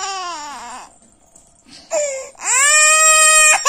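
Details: An infant, likely a baby girl, cries in loud, high-pitched wails separated by a brief pause and a short whimper.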